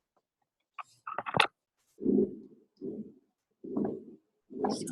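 Repeated low whooshing heart sounds at about 75 a minute, after a few brief clicks. This is the murmur of a patent ductus arteriosus: a vessel that should close after birth stays open, so blood flows where it should not and makes a whooshing noise.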